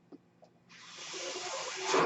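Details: A person's own mechanical ventilator heard while they talk: a near-silent start, then a steady, rising airy hiss of rushing air as the ventilator delivers a breath.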